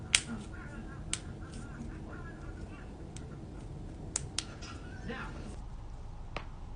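Several sharp isolated clicks and pops over a steady low room hum, the cracking of finger knuckles.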